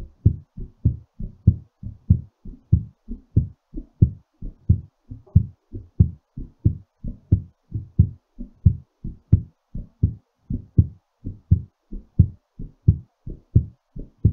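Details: Steady, firm heartbeats at roughly 90 per minute during recovery after exertion; normal heart rate.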